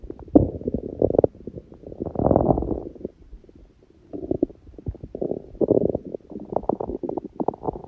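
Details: Hungry, empty stomach (sneezing elsewhere in recording): long, low gurgling and rumbling with bubbling runs and brief quiet gaps; normal hunger bowel sounds (borborygmi).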